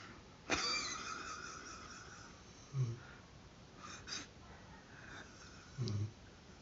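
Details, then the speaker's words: Mother snoring while asleep, filmed by her child: low rattling snores in short bursts about three seconds apart over quiet room noise; ordinary snoring. "Ai >> Deus, tava arroncando. Eu juro. Acabei de filmar aqui."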